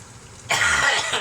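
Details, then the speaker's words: A single harsh throat-clearing cough breaks a moment of quiet room noise; the person is cooking in a kitchen with the extractor fan turned up and music playing. "I've got the music on, you can hardly hear it. I'm coughing my fucking shit up because I don't like doing things that are too like things like that."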